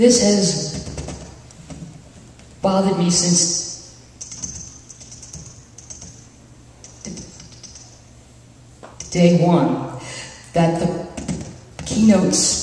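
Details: Adult speaker at a National Stuttering Association conference session (July 2009), with long pauses between word groups; stuttering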